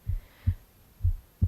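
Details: Adult heartbeat recorded on the left side of the chest: steady, soft, regular lub-dub at about 63 beats a minute, normal rhythm.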